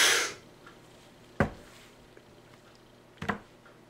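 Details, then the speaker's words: A breathy full exhale, then two short, sharp hissing puffs as an albuterol metered-dose inhaler is fired by an adult demonstrating his technique. "sit down calm down shake this up and then exhale out completely then begin inhale squirt"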